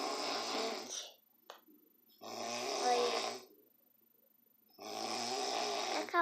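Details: Drunk father sleeping and snoring: loud, harsh rattling snores of about one second each, coming every few seconds with quiet pauses between; snoring.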